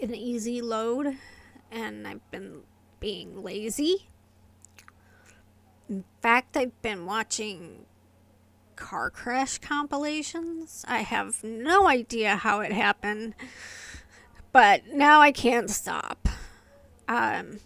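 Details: Adult woman with familial essential tremor affecting the vocal cords, diagnosed by a movement-disorder neurologist, plus medication-induced tardive dyskinesia from long-term antipsychotic use; vocal tremor (essential tremor).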